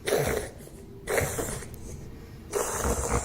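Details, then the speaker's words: Dog of about 12 years having a reverse sneeze, a sudden bout that looks like breathing distress: rapid, harsh snorting inhalations in repeated bursts. "has your dog been making strange breathing sounds like this"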